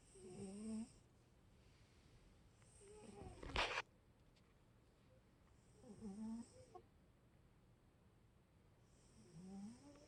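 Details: Cat snoring softly in a quiet room: rattling, slightly whistling breaths about every three seconds, roughly 20 breaths a minute.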